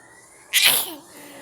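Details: Child deliberately fake sneezing: a single short, hissy sneeze-like burst, playful imitation rather than a true sneeze.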